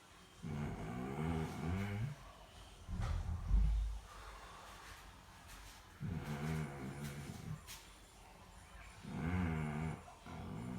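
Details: Snoring: deep, groaning, vibrating snores on each breath, with snorting between them, about 15 breaths a minute.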